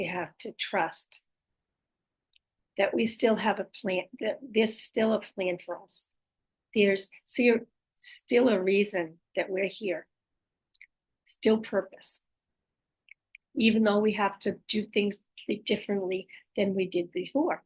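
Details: Aphasia with apraxia of speech and dysarthria after stroke in an adult female; her speech can be hard to understand.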